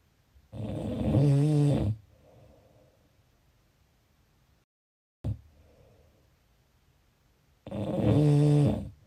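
Two deep, vibrating snores on inhaling, several seconds apart, with softer breathing out in between: snoring.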